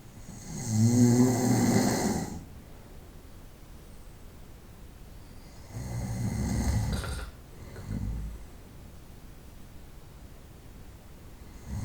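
Two loud, rattling, low-pitched snores on inhalation with quiet pauses between, in a still room; ordinary night-time snoring.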